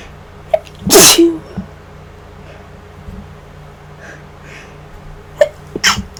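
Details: One loud, explosive, induced sneeze, then a quieter second burst, in an adult sick for about 5 days with a worsening, possibly flu-like illness and new nasal congestion.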